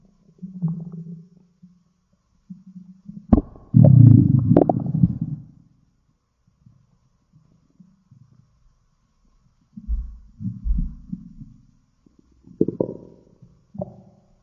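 Low gurgling rumbles in bursts with quiet gaps, one long loud growl; ordinary stomach growling.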